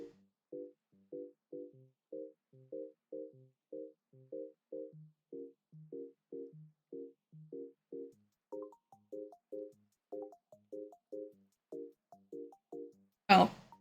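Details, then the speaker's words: Adult's normal hip joint pop (not a dislocation), a single sharp pop at the very end over steady background music, likened to cracking fingers: joint popping (hip). "you guys could definitely hear that. That was my hip popping. I am so sorry."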